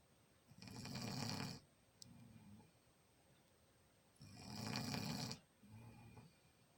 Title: Snore snore snore.